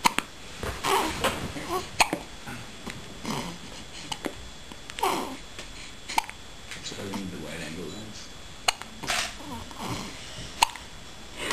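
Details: Young girl with hiccups: repeated short, sharp hiccup catches, about six in eleven seconds, amid the child's babble and room noise; ordinary hiccups.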